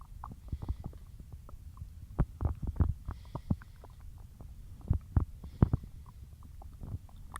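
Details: Bloated stomach growling after a massive lunch of cheese-loaded pasta and a large drink of milk mid-diet: low, irregular rumbles and gurgles in short bursts over a quiet background.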